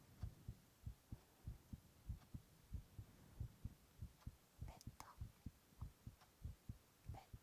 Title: 【囁き/男子ASMR】心音取りながらオノマトペささやいた Heart sounds and onomatopoeia